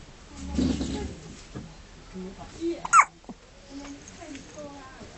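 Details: A newborn baby's first hiccups, in the hospital: a few short, abrupt hiccup sounds amid soft vocal noises and room sound.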